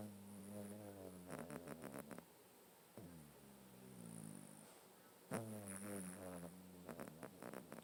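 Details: Soft, close, buzzing snores with each breath, some squeaky and whistly, from a sleeping cat snoring in someone's face, which happens every day.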